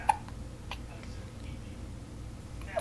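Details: An infant, awake and following the mother with the eyes, has hiccups again: short, sharp hiccup sounds, two clear ones plus fainter catches, in a quiet room.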